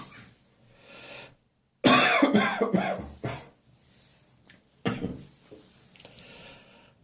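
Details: Summer morning productive catarrhal cough that has started recurring regularly in the mornings: a loud run of several coughs followed by a single cough.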